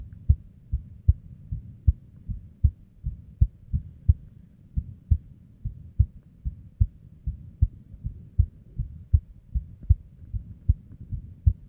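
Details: Female resting heartbeat, described as unstable, recorded with a simple microphone or headphone. Low thumps near 77 a minute with uneven spacing and varying strength: an irregular rhythm with arrhythmia and abnormal beats.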